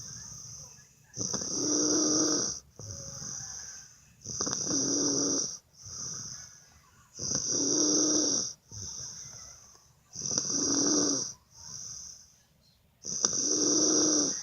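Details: Person snoring in a hotel: loud rattling snores on each breath in, quieter breaths out between, about 10 breath cycles a minute.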